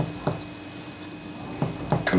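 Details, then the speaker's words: Brief dull tapping thuds from percussing an adult's clavicles, lung apices and anterior chest wall, struck on the middle finger with wrist movement: chest percussion notes. "first you percuss the clavicles without putting your hand in the way like so then the ap's of the lungs and then three points either side of the anterior chest wall"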